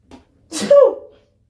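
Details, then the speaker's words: Single loud explosive sneeze after a brief in-breath, trailing into a voiced tail; adult speaker says they keep sneezing after burning sage in the room earlier. "sorry about that i uh burned some sage in here earlier and now i keep sneezing it's driving me nuts"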